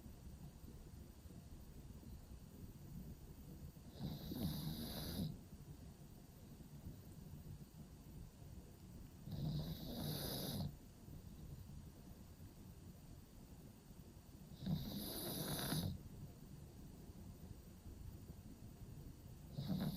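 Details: A pug sleeping in a cozy cave dog bed: slow, rough snoring with a snorting quality, about 12 breaths a minute.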